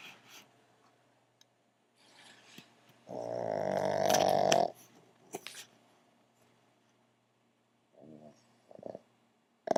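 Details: Two pugs snoring together on a couch: one loud, voiced, rattling snore with softer snorts and sniffs around it.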